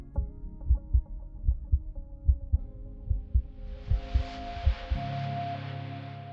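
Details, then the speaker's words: Heartbeat captured by microphones on a handheld Kosmos ultrasound probe head placed on the heart, synchronized with ECG: regular low thumps about 70 per minute, background music and hiss; heart sounds. "the microphones are located on the probe head so when you place it on the heart you can hear and see the heartbeat simultaneously"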